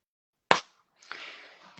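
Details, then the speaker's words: Needle-free injector with 0.3 cartridge fired at first pressure on the lips: a single dull, short snap then soft hiss, the dull sound meaning product penetrated (a metallic clink means it did not). "habéis dado cuenta del sonido sordo que tiene el disparo cuando un disparo de ya lo rompen suena muy metálico suena clink el producto no ha entrado"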